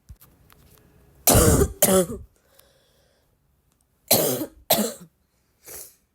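Two pairs of harsh coughs and a final softer cough, five in all, a persistent dry-sounding cough.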